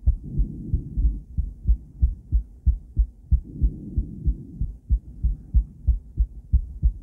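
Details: Doppler heartbeat from a woman's cardiac ultrasound, recorded with a different transducer and combined with ECG: regular, steady low thumps at about 92 a minute with soft whooshing blood flow.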